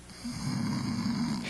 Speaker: causing snoring snoring is simply the sound of these structures striking against each other and vibrating during